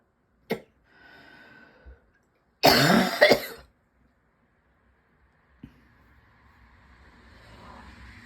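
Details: A short cough, a faint breath, then a loud harsh double cough followed by quiet breathing, from someone whose throat and lungs feel constantly tickly and whose cough won't quit; persistent cough.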